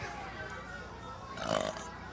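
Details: A deliberate performed burp into a microphone: a short, low, voiced belch shaped like a spoken word, part of burping a phrase, with background noise.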